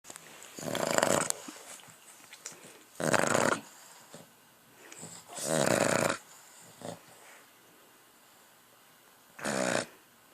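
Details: Awake dog makes loud, rough snoring-like noises in separate bursts with quiet gaps between: snoring while awake.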